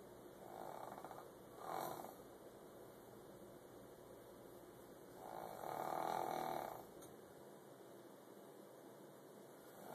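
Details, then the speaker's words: Grandmother snoring during sleep, described as loud and likened to a whale; soft, buzzing snores rising twice over a steady background hum. "Is that a whale? sorry. It's loud, huh?"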